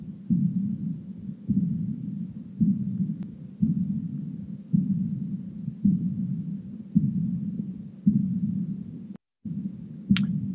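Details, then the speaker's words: Decrescendo diastolic murmur heard at Erb's point: slow, regular heartbeat near 55 per minute with a soft, fading blowing sound after the second sound, with a bounding carotid (Corrigan's) pulse; aortic regurgitation murmur. "so you hear a decrescendo diastolic murmur right over herb's point which is consistent with aortic regurgitation"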